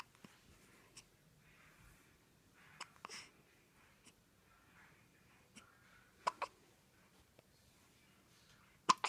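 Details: One-week-old newborn, wide awake and alert, with hiccups: soft, sharp little catches repeating irregularly, about 20 a minute, over a quiet background.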